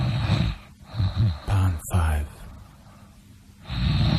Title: Snoring compilation 78